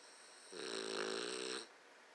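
A single rough, buzzing snore of about one second from a sleeping dog, typical of a flat-faced breed.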